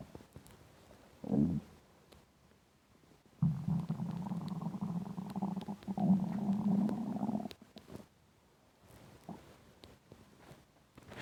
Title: Intense stomach rumbling hungry